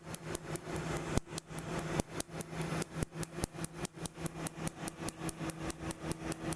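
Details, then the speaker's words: Rapid, steady snapping pulses, about 73 a minute, over a constant hum of air cooling; a tattoo removal laser firing on a woman's chest during her second removal session, applied after numbing cream. "Fair warning, this segment is seven very long and painful minutes primarily of laser."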